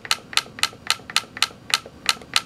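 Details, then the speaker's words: Sharp clicking snaps about four per second, each a crisp crack: Ellex Ultra Q Reflex YAG laser shots breaking up and vaporizing a Weiss ring floater during vitreolysis in a phakic eye, with plasma bubbles forming. "you see we're actually breaking up things and we also vaporizing we're not vaporizing all of it at one time"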